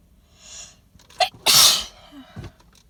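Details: Pollen-induced sneezing from flowers, with a suspected allergy or sensitivity, recorded in a car: a sharp intake of breath, then one loud, wet, explosive sneeze into cupped hands.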